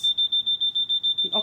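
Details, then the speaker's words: Rapid, regular high-pitched electronic beeping of the alarm test during the pre-use device check of a Dräger V300/V500 ventilator. "First one is, can you hear the alarm? Yes."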